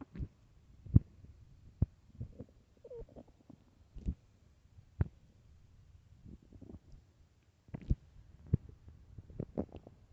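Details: Quiet low gurgles and squelches with scattered sharper pops over ten seconds: stomach growling on an empty stomach, borborygmi.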